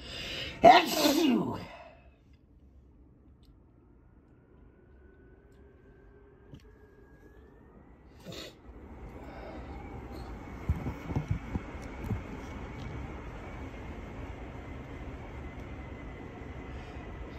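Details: Adult with a stuffed-up head cold, their third in four months, stifles a sneeze into a handkerchief: a sharp, muffled sneeze burst, then quiet with faint room noise and movement.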